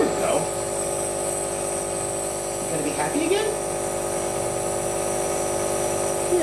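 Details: Young boy holding his own nebulizer during treatment: steady mechanical hum of the running nebulizer, with the child's brief vocal sounds over it in a small room.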